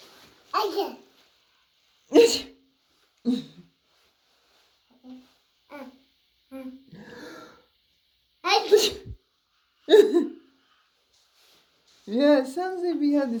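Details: A 12-month-old baby's short, sharp sneeze bursts, some real and some pretend, mixed with playful sneeze imitations by his mother, followed by brief talking.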